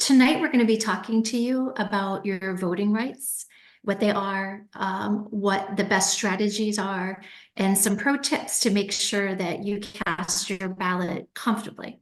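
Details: Adult woman; Normal speech.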